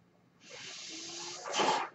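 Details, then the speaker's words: Breath-cycle noise of the speaker's own mechanical ventilator, audible in the background while he speaks: mechanical ventilator breath cycle. "My name is, and that noise here is my ventilator."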